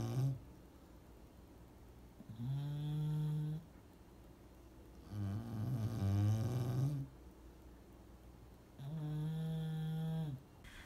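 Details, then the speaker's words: Snoring in a sleeping English bulldog: deep, rumbling, buzzing snores on each breath, about three in ten seconds; loud snoring. "y know ready Bulldog snore and it can get really loud oh look at his teeth aren't they cute"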